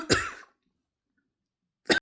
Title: My sitting practice was disrupted by the urge to cough